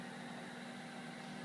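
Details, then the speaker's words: Evita XL ventilator startup self-test running compliance and inspiratory and expiratory resistance checks: steady mechanical hum and soft airy hiss. "now it's going through compliance insat and expor resistance check and that's it"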